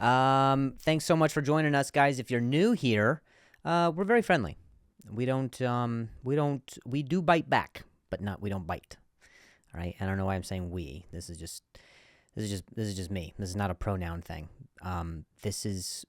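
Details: Comedian who stutters, speaking in a podcast monologue; stuttering with audible word repetitions.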